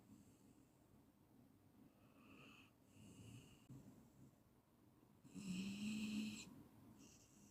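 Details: Clean snoring recording from a 15-minute sleep-induction track: quiet rough breathing with one louder rattling, fluttering snore on a breath, in a small room.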